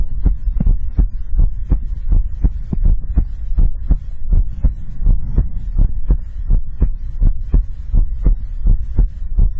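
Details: Steady, regular heartbeat ASMR recording, paired low thumps at about 80 beats a minute; normal heartbeat.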